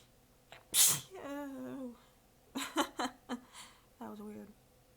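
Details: Weak, partly stifled sneezes with drawn-out voiced catches of breath, from an exhausted adult with sore abs deliberately biting them back; a tired, prolonged sneezing fit.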